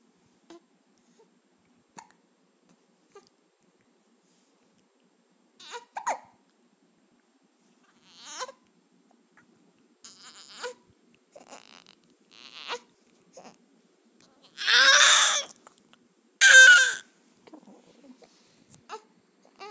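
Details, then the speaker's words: Infant hiccuping and fussing: soft, brief catches at irregular intervals, with a couple of louder fussy cries. "Just hiccups are so bad."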